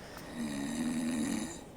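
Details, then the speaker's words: One sustained low rattling snore from a sleeping person on a single breath, lasting about a second, over faint room noise. "so when when you hear snoring you think of the person snoring you think of uh the air getting stuck in the throat or something"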